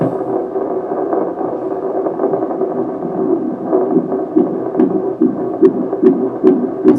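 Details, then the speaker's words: Handheld Doppler with gel on the probe over a pregnant woman's abdomen, halfway between umbilicus and anterior superior iliac spine; baby head down, back thought to be left; rapid regular whooshing fetal heartbeat, roughly 140-150 a minute. "i'm just going to also take the baby's fetal heartbeat using this doppler"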